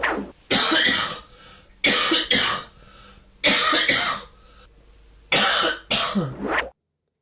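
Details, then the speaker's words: Adult's night-time coughing recorded by a sleep-tracking app in the bedroom during an illness: loud, harsh hacking coughs in four bursts, mixed with throat clearing. "I can't believe you sleep through this or this might wake you up. This is my coughing."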